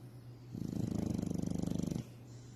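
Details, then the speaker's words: Snoring in a rescue animal that sounds like purring: one low, rapidly fluttering rattle lasting about a second and a half. "Must love snoring that sounds like purring."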